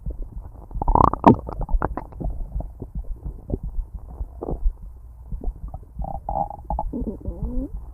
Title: Why at stomach growl loud listen